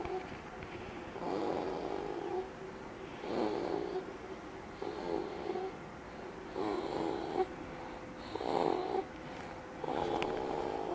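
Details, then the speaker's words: A baby rocked to sleep after a very unsettled day makes soft, regular snoring breaths with little mewing, cat-like sounds, about 33 a minute, recorded in a dark room: infant snoring. "baby's had a very unsettling day and anastasia has finally rocked her to sleep but she's making these little mewy cat sounds"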